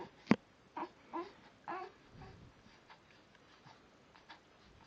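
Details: Single sharp, explosive sneeze followed by three brief nasal snorting or whining sounds in a quiet room.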